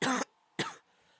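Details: Cough in a person exposed to heavy Canadian wildfire smoke during a drought in Michigan; they are also sniffling and taking medicine for their nose.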